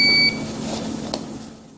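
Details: A short, high electronic tone as an AED is switched on during a CPR training demonstration, followed by room noise; it comes before the pads are attached and the heart rhythm is analyzed.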